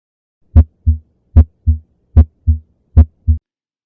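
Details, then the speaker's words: Regular paired heart sounds at about 75 beats a minute, first sound louder, heard at the apex on auscultation; normal heart sounds at the apex. "тоны сердца выслушиваются аускультативно причем первый тон лучше выслушивается на верхушке а второй на основании"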